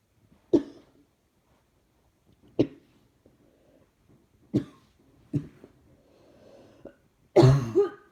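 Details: Person with sore throat and chest pain: five separate coughs at steady intervals, the last loudest and harshest, faint breathing between; repeated cough.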